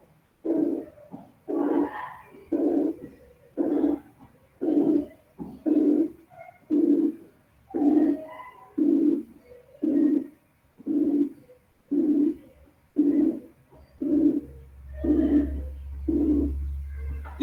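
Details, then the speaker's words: Simulated harsh heart murmur made from a frequency band between 180 and 460 cycles, the harsh murmur associated with aortic and pulmonary stenosis. "Si tomamos una banda comprendida entre 180 y 460 ciclos, obtenemos el soplo áspero que asociamos con la estenosis aórtica y pulmonar."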